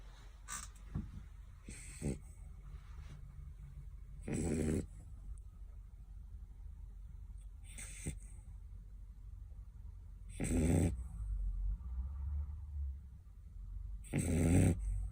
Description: Bella Bleu beagle dog snoring ♥️💤💤 / #bellableubeagleblog #bellableu #beagles #bellableuiloveyou #dogsnoring